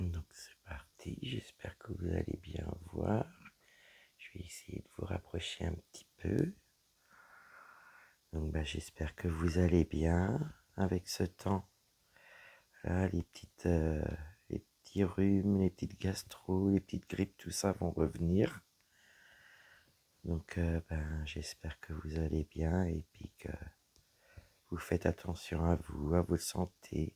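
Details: Woman whose vocal cords were damaged by a serious health problem; her voice is deeper than before, at times she has little voice, and she cannot speak loudly; dysphonia from vocal cord damage.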